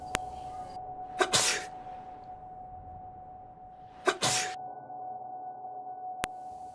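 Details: Person sneezing during a Japanese experiment imaging sneeze micro-droplets with laser and high-sensitivity camera; two sharp, explosive sneezes a few seconds apart over a steady background tone in a quiet room.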